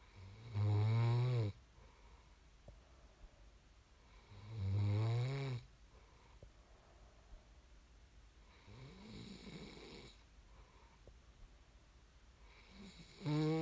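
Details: Sleep snoring recorded as ASMR: regular deep snores on each breath in, about 15 breaths a minute, with quiet breathing out between them.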